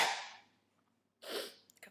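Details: Young woman with repeated sneezing during the day: two sharp, explosive sneezes about a second apart, the second followed by small catching breaths.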